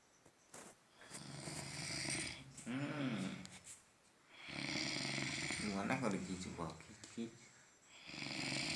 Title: Snoring like a train